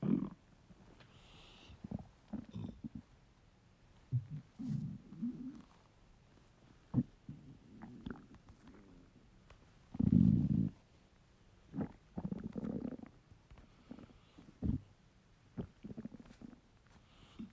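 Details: Male, hungry: low gurgling, rumbling bursts at irregular intervals with one long loud growl midway; borborygmi, normal hunger stomach rumbles.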